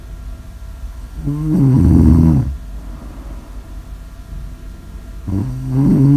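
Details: Snoring audio recording: loud, rattling, deep snores on each in-breath, about two in six seconds, with quiet pauses between.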